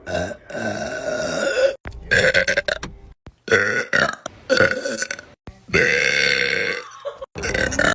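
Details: A girl burping: a run of about six loud, drawn-out voiced burps with short pauses between them; belching, gas brought up from the stomach.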